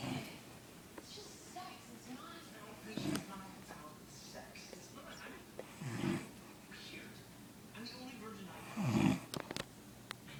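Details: Adult woman snoring in sleep though she denies snoring: soft, irregular rattling snores against steady room hum.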